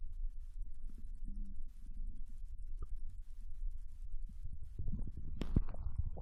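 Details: Digestion sounds after eating ramen, recorded from a Japanese girl lying on her side in bed: low rumbling and soft gurgles, with a louder burst of gurgling near the end; normal bowel sounds (borborygmi).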